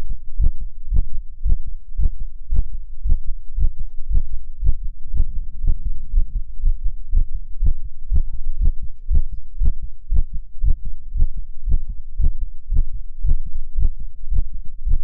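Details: Male heartbeat in an ASMR recording: steady, quick, low thumps at roughly 115 beats a minute, strong and regular; fast heartbeat.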